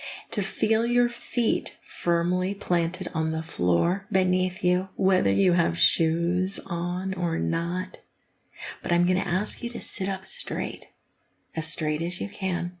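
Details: Adult woman speaking; fluent speech.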